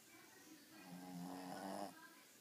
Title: Gizmo the snoring dog!